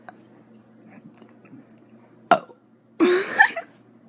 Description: My friend sends me random burp vids and I decided to share them with you 👍